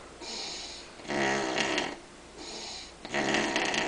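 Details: Harsh, fluttering, labored snores on both inhalation and exhalation, about two breath cycles every four seconds; snoring in a sleeping person who claims not to snore.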